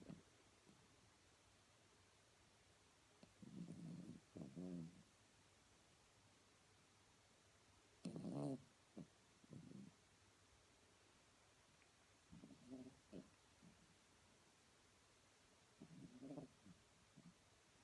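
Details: Sleeping Blenheim Cavalier King Charles Spaniel dog snoring: quiet, low rumbling snores in irregular bursts against a quiet room.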